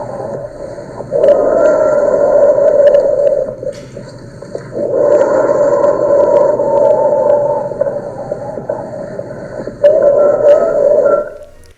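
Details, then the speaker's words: Stridor played in a talk on auscultation: long, harsh, high-pitched noisy breaths recurring about every four seconds, caused by difficulty of air passing through the airway. "Pero bueno no te quiero aburrir mejor que contártelo voy a mostrarte Cómo se escucharía un estridor qué un estridor estridor provocado por la dificultad al paso del aire en la vía aérea"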